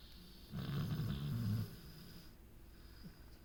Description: my dog snoring in her sleep and dreaming